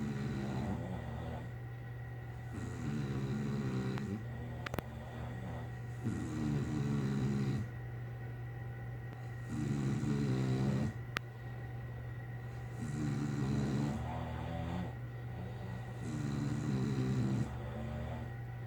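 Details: Two sleepers snoring alternately, hard to hear, forming one synchronized snoring pattern: rhythmic low rattling inhaled snores, about six cycles in under twenty seconds, over a steady low hum; snoring.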